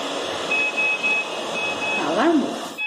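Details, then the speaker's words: Simulated ventilator disconnection alarm during a non-invasive ventilation (NIV) teaching demonstration in an ICU: repeated high-pitched electronic beeps over room noise, triggered by disconnecting the patient circuit. "nós temos aqui primeiro alarme alarme conexão do paciente nosso conectar ele vai lá ó em cirurgias para isso acontecer desconectar a"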